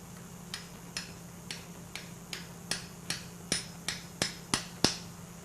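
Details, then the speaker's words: Arthroscopic right shoulder Bankart repair and type 2 SLAP repair for a very unstable shoulder: about a dozen sharp metallic taps, growing louder and closer together over five seconds, as a suture anchor is seated into bone through a guide. "This is our guide for our suture anchor. We're going to place this first one down here. And there's a little guide wire that we drill down into the bone here. Now we place our anchor."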